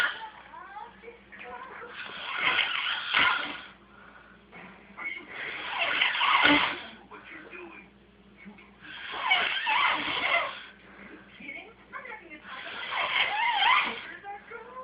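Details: Snoring: four long, harsh, hissing breaths at about 16 a minute, with quieter breathing between them.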